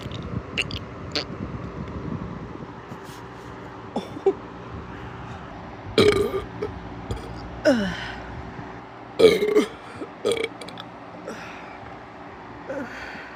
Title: sorry for slow uploads... :/ #brap #burp #burps #gassy #nasty #gross #fyp